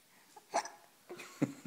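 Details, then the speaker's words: Infant boy aged 2 months and 3 days, awake and playing with his mother's shirt, making two brief, abrupt gulping sounds about a second apart; hiccups. "Hi. Yeah. Oh, good. Hi. Do you have the hiccups now?"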